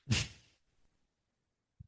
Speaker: That noise you hear is my ventilator.